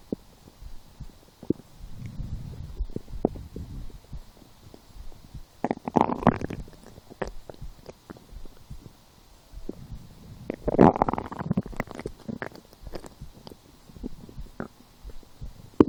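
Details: Stomach growling (borborygmi) while lying down and feeling hungry, after skipping breakfast, a small lunch and two doughnuts four hours later: soft gurgles and rumbles with two louder bubbling growls; the person was unsure what caused them.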